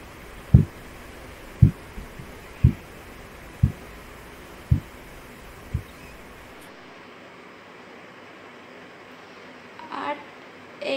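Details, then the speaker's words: Six soft regular thumps, about 60 a minute, fading then stopping: Korotkoff sounds over the brachial artery with aneroid sphygmomanometer and stethoscope during cuff deflation from 180 mmHg; 127/83 mmHg, called normal. "Now I can hear the heartbeat of the patient at 127 mmHg. This is the systolic blood pressure."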